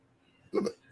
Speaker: i got the hiccups so you'll hear uh so i'm gonna be talking funny